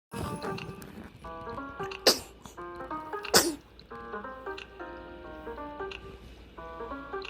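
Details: Newborn baby sneezing.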